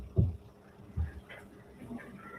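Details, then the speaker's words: Adult's stomach growling in a quiet room: two low rumbling thumps followed by faint gurgling, squeaky sounds. The person remarks their stomach hasn't growled in ages; ordinary borborygmi. "My stomach is growling. Did you hear that? I haven't had my stomach growl in ages."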